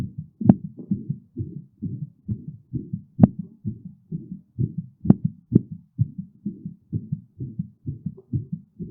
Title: heartbeat sounds during and after physical pressure